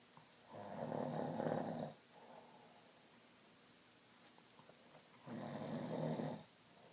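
Two long, loud rattling snores about four seconds apart, with a softer breath between them, in a quiet room.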